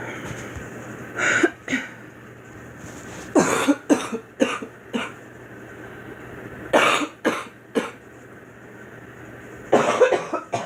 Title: Girl coughing 188